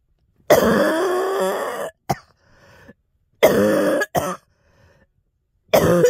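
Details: Girl coughing repeatedly with throat clearing and saying "ow" as if in pain: three drawn-out, harsh voiced coughs, each followed by a short sharp burst, separated by quiet pauses.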